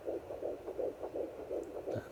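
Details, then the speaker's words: Fetal heartbeat at 8 weeks of pregnancy, heard with a handheld pocket fetal Doppler on the lower abdomen: a faster underlying beat beneath the placental whooshing, with fast rhythmic pulses. "you can hear the baby's heartbeat so my husband and I were doing it just the one time and you can hear like an underlying faster beat"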